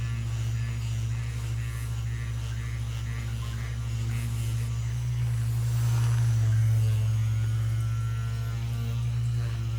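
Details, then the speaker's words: Percussive vibration massage device used on a very large man with years of tension during a chiropractic/osteopathic myofascial release session: steady low motor hum with buzzing and fast, fairly regular pulsing in a small room. "彼には、波動、振動、打撃を通じて筋膜全体に作用するタイプの機械を使用します。"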